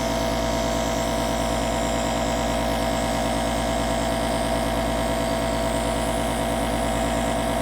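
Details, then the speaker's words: Invacare Stratus nebulizer compressor running, steady loud buzzing motor hum with rapid rattling pulse while nebulizing liquid into mist; treatment typically runs about 10–12 minutes until medication is used up. "let's get this started now as you notice it's vaporizing nebulizing the the water and turning it into a vapor"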